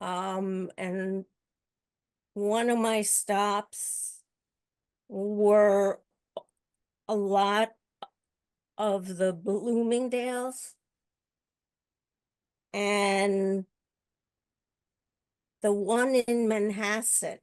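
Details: Stuttering in a woman hosting a support discussion for older adults who stutter, who also reports a paralyzed vocal cord; stuttering.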